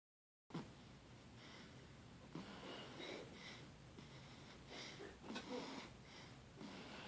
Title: Snoring like daddy 😂